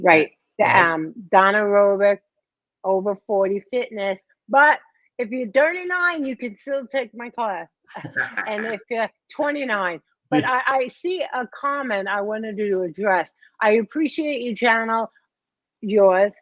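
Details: Post-stroke aphasia in a 57-year-old woman after a major ischemic stroke at age 45, 2011, affecting her right side and speech; she could not talk at first, and says speech is improving but worsens with emotion.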